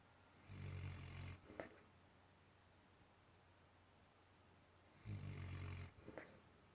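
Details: Sleeping dog snoring and bubbling: two low, rumbling snores on the in-breath, each followed by a brief snorting puff on the out-breath, in a quiet room.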